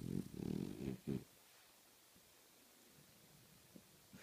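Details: Dog snoring: a few low, rough, rattling breath sounds in the first second, then near quiet.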